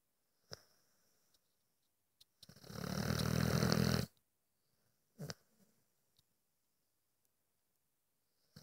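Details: A single loud, low, rattling snore of about two seconds, with quiet sniffs and clicks in a silent room, from a sleeping dog that snores like this all night.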